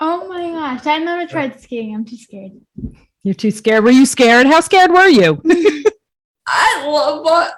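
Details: Adult female speaker, possibly two people in conversation; ordinary speech.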